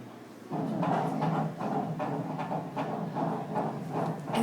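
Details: Fetal heartbeat on ultrasound Doppler while the baby wiggles and moves around, possibly with hiccups: rapid rhythmic whooshing pulses at about 150 a minute.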